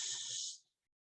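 Brief steady high-pitched hiss from a tinnitus simulator, imitating the hissing type of tinnitus.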